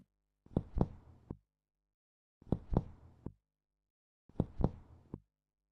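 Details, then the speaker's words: Three groups of hollow, loud, low-pitched taps with a short carrying tone: resonant percussion note, as heard over air-filled areas such as normal lung. "Resonant sounds are often heard in air-filled areas, like the lung."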